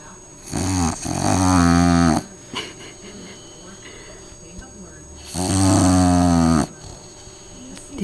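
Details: Bulldog asleep after a long day at daycare: two loud, deep, rattling snores on the in-breath, about five seconds apart, separated by quieter breathing.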